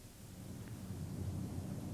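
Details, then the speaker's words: Stethoscope diaphragm on the posterior chest while the patient says "99"; the transmitted voice sounds louder and clearer than normal, which is bronchophony. "voice sounds that are louder and clearer than normal are called"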